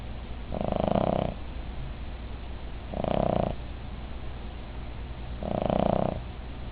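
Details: Female Cavalier King Charles Spaniel snoring in sleep: low, rumbling snores about every 2.5 seconds (roughly 25 per minute) over a steady hum. The owner says she snores as loud as her husband.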